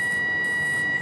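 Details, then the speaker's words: Continuous steady high-pitched electronic tone with faint crackling hiss; hyfrecator wand touched to skin, vaporizing tissue of a lower-leg mole in a 29-year-old woman under local anaesthetic. "so this is the high procat wand and as you can see just touch it against the skin now and you can see"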